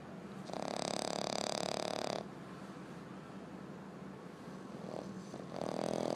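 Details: Snoring from a sleeping female French bulldog puppy who loves to sleep.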